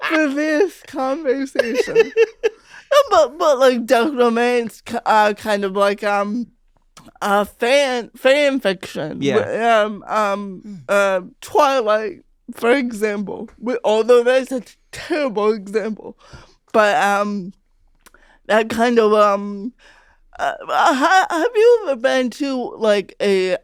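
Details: Adult female comedian who grew up with cerebral palsy, her speech noticed as different by age five; real conversational speech with hesitations, repetitions and fillers; dysarthria.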